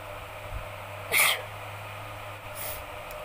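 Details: Sneeze deliberately induced with pepper in a sneezing challenge: one sharp, hissing sneeze, then a faint second breathy burst, over a steady background hum.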